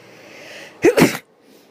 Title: Sneezing In the Morning